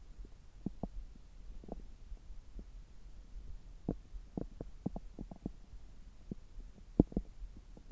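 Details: Abdominal sounds recorded with a stethoscope on the belly about 3 hours after a meal, when the gut is active: scattered soft gurgles and low clicks over a quiet hum; normal bowel sounds.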